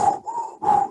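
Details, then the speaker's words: Adult imitating croup stridor, like intense air forced through a tube, while teaching tracheal auscultation in a child with suspected croup; harsh, tonal noisy breathing in two phases. "como cuando pasan por un tubo el aire así intenso"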